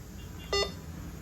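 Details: A single short electronic beep over quiet room noise, the key-press confirmation tone of a Welcare infusion pump when pressing enter/start for an infusion in a hospital demonstration.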